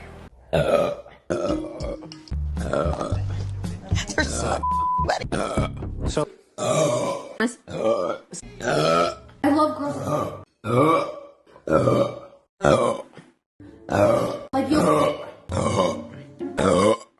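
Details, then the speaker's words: A string of voiced belches, some drawn out, with music underneath; repeated burping. "Do you guys mind if I burp? Sorry, I >> rate that burp. >> Sorry. Thanks. I'm going to burp."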